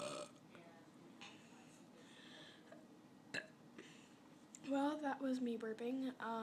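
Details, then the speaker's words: Quiet room noise, then a long, voiced, croaking burp broken into pulses, made deliberately by a girl after chugging a drink. "hey guys it's abby um do you so i'm kind of good at burping but i have to chug so to hold them"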